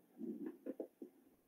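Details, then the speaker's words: Coarse crackles, lung auscultation teaching example: low, bubbling breath sound with several short popping bursts late in inspiration, harsher and lower-pitched than fine crackles, attributed to denser secretions as air breaks fluid films. "Son crepitantes, pero de un tono mayor. Son los crepitantes gruesos. Involucran para nosotros secreciones más densas."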